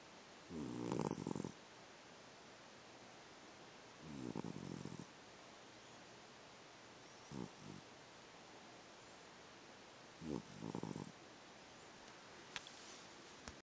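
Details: Sleeping animal giving four slow, rumbling snores a few seconds apart, with quiet between them; ordinary snoring.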